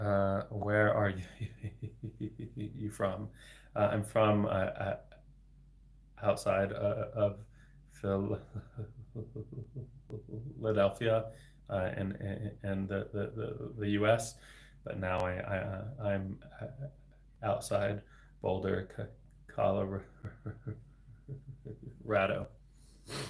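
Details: Adult man, a speech-language pathologist, with lifelong persistent stuttering for 26 years, beginning at age eight; his stutter involves repetitions and blocks and varies in severity; stuttering.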